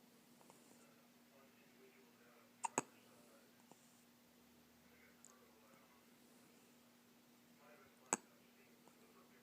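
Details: Baby with hiccups: about three sharp, abrupt little hiccup sounds in a quiet room, two close together and one several seconds later.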